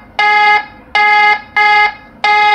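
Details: lifePOINT PLUS defibrillator switched from self-test into AED mode: loud repeating electronic tone bursts, about one and a half per second, which is the AED-mode alarm that can be silenced with the alarm-off button.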